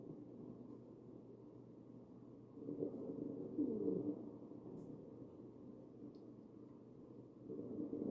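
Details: Real ventilated patient, chest auscultation: muffled chest sounds with low musical wheezing over the ventilator breaths, suggesting narrowed airways; wheezing.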